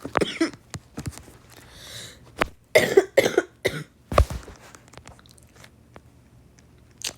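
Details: A coughing fit from someone who says they are still really sick: a run of harsh coughs with short breaths between and some throat clearing, in a quiet room.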